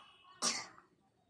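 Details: Cough from a baby.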